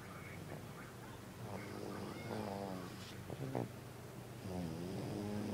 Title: Baby snoring